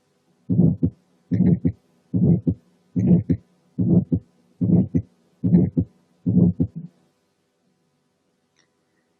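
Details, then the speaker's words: Ejection systolic murmur from blood ejected into a great vessel: regular heartbeat near 73 a minute with a harsh crescendo-decrescendo, diamond-shaped systolic murmur separated from the heart sounds. "المامر اللي بالشكل ده اسمهم ايجكشن، لانهم بيكونوا نتيجه الايجكشن اوف بلاد من اي فنتكل لاي جريت فيسل."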